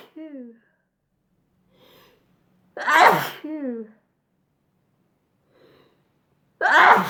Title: Chhinkini Sneezing...